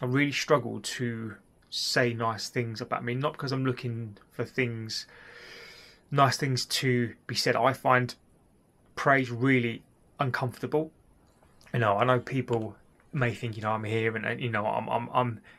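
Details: Adult man who has stammered since childhood: stuttering.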